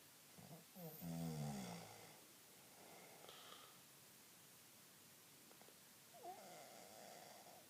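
A low, rough, rattling snore on the in-breath, followed by quieter breathing noise in a small room.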